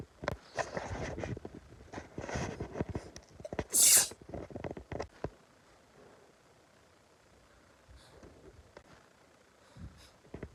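Rustling and breathy snuffling, then a single loud, hissing sneeze burst, followed by quiet. This is one sneeze.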